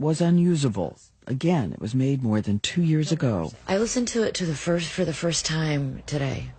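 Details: Adult speaker; normal speech.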